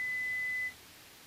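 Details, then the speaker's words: Pure tone audiometry threshold search, where intensity is raised in 5 dB steps until two of three ascending responses: a single steady high beep under a second, then quiet room noise. The audio is edited for ASMR. "At this point, the intensity level is increased in five decibel increments until a response is obtained. This is repeated until the client has responded to two out of three ascending presentations."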